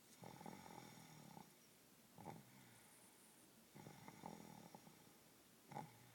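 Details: Quiet, rough snoring sounds repeat with each breath over a faint background hiss; snoring.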